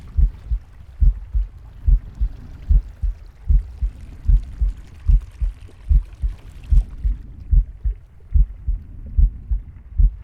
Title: Captain Pig's heartbeat, breathing, and stomach growling